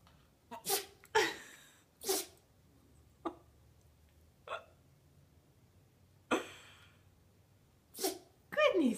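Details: Yorkie dog with allergies: about seven short, sharp sneezes in quick succession, a repeated sneezing bout.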